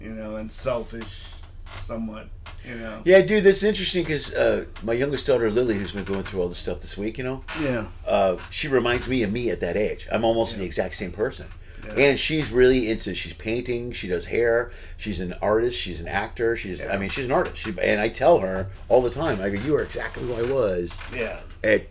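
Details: Adult male speaker; normal conversational speech.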